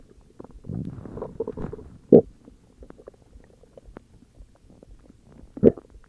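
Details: Ordinary stomach growling (borborygmi): low gurgling rumbles with two brief louder gurgles, typical bowel sounds.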